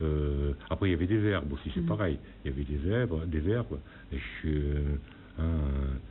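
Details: Man nine years after a stroke with aphasia, who relearned speech with a speech therapist from simple words and began speaking again after two years; aphasia after stroke.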